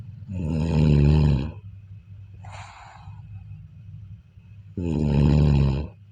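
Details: Heavy sleep snoring: two loud, deep, rumbling snores with a softer breath out between them.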